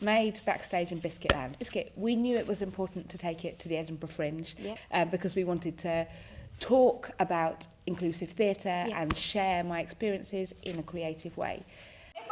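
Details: Vocal tic from Tourette syndrome in an adult woman, with the tic word 'biscuit' repeated within her speech during a real interview.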